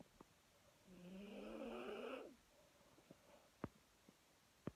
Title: Snowy snoring